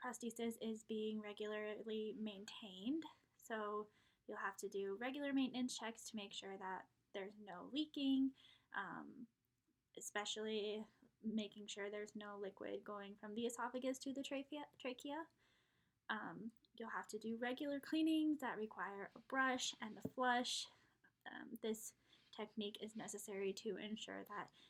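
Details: Adult woman speaking; normal speech.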